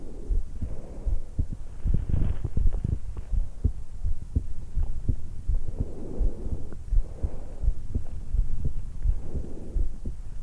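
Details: A 20-year-old woman just after waking, lying on her back in bed, with a stethoscope microphone at the notch at the base of the throat. Soft heartbeat about 80/min under slow rushing breaths; normal heart and breath sounds.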